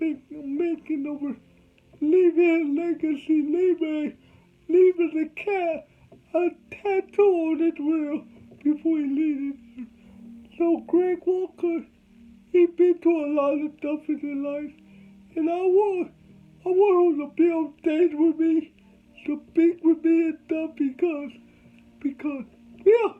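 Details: Adult man with cerebral palsy from birth, whom doctors said would never talk, showing dysarthria in cerebral palsy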